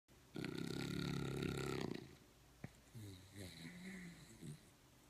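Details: A loud, rattling snore on one breath, followed by softer, rougher breathing sounds; snoring.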